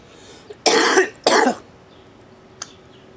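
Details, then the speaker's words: Two loud, harsh, wet productive coughs with a faint throat sound after, from an adult with cystic fibrosis who says his lungs are always clogged with mucus. "as i said cf is the process of being clogged with mucus at all times what happens is my cells can't move salt and water properly so my pancreas doesn't work right my lungs are filled with crap and it's a hassle"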